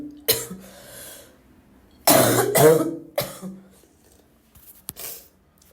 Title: I'm literally crying from holding in this cough